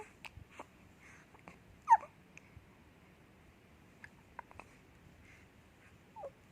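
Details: Hiccups: a few brief, sharp catches in a quiet room, one stronger than the others.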